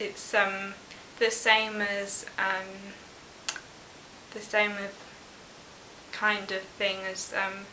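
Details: 19-year-old woman with expressive aphasia after an ischemic stroke at 18, probably caused by a PFO later closed with an Amplatzer device; word-finding difficulty with fillers and incomplete phrases; expressive aphasia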